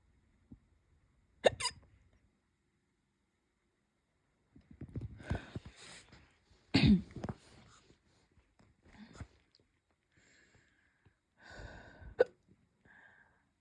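Repeated abrupt, sharp voiced gulps at irregular intervals, about 11 a minute, with breathing noise between; hiccups.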